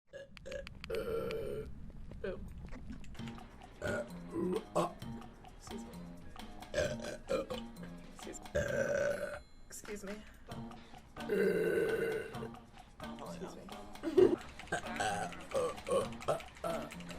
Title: It's been Awhile. Have a Burp! | Twitch Girl Burps | Burp Compilation #6